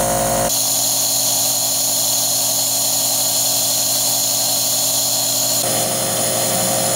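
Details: Guinea pig with a minor upper respiratory infection getting vet-prescribed medication as vapor: steady loud hiss and hum of a running nebulizer delivering mist.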